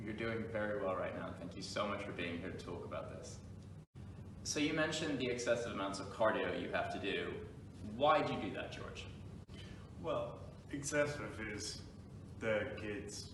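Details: Adult male interviewer; normal speech.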